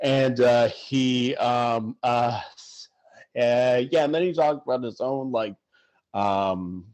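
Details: Adult man who stutters, speaking in conversation; stuttering.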